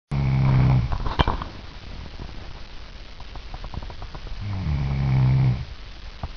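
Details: Adult woman recorded asleep, initial snoring before teeth grinding begins: snoring.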